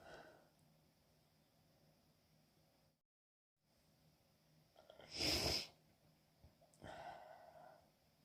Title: coming down with a cold - small, hitchy sneezing fit (f)